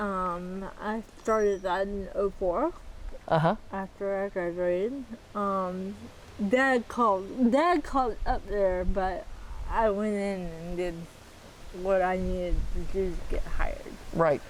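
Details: 40-year-old woman with athetoid cerebral palsy, full-body involvement (quadriplegia), moderate to severe physical involvement, GMFCS level 3/4, uses power wheelchair; speech can be hard to understand; dysarthria (athetoid cerebral palsy).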